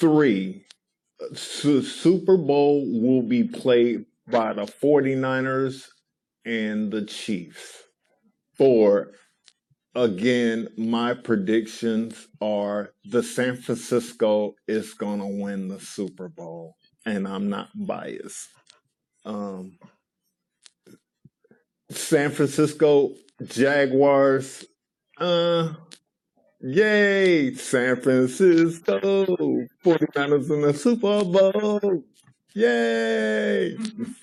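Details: Adult man with aphasia, a regular member of an aphasia rehabilitation center, presents his own news segment about his favourite football team in a film project for people with aphasia; aphasia.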